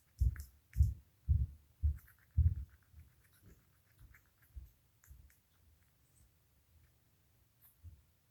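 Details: A run of short, soft, low jerky bursts about every half second, fading over several seconds; hiccups.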